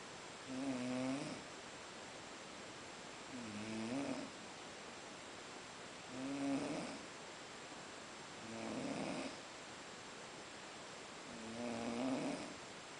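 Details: Snoring after a long day at Boiçucanga: five rhythmic, rattling snores at about 22 breaths a minute, each a low vibrating rumble on the in-breath, with quiet room noise between.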